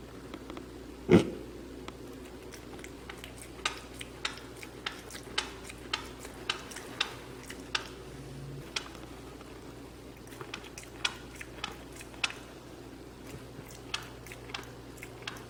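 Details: Mini pig Oscar's recently started daily teeth grinding: repeated sharp clicking and grating sounds at irregular intervals over a low room hum.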